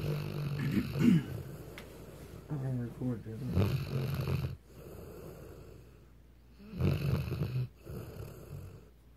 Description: Weimaraner's can do some serious snoring.